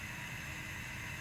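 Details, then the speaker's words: Steady loud hiss of oxygen flowing from a tank regulator dialed up to 15 L/min while setting up an infant CPAP system with an anesthesia inflation bag; oxygen flow hiss. "So turn it on righty-tighty, and then right here, dial it up. Hear it?"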